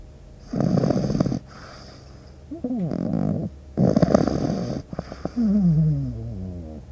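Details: Pug puppy sleeping, irregular snorting, rattly snores, some with a whistling nasal tail; snoring.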